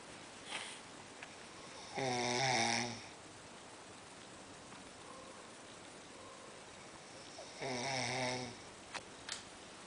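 Two loud, buzzy snores about six seconds apart over steady room hiss; snoring.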